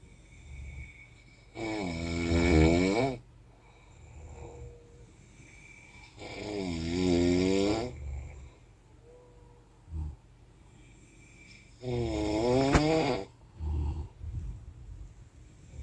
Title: Snoring on Anapa Train ©20220703